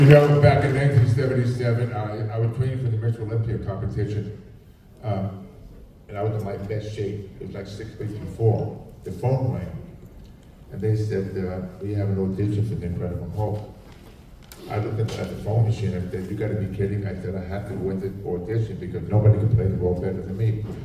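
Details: Adult male with profound hearing loss since childhood and a childhood speech impediment, trained in phonetics with a marble in his mouth, formerly wore two hearing aids, cochlear implant about 3.5 years ago: deaf speech (speech of profound hearing loss).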